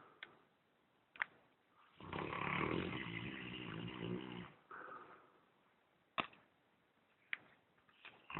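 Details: Very loud snoring from a Saint Bernard dog: one long, rough snore lasting about two and a half seconds, then a softer breath, with scattered clicks and room noise.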